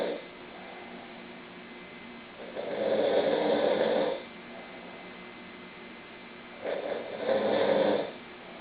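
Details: Snoring: two loud, rough, fluttering snores about four seconds apart, roughly 14 breaths a minute, faint room hum.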